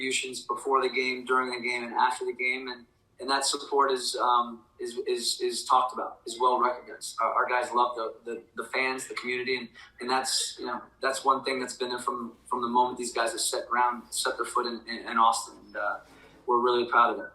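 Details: Adult man speaking; Normal voice.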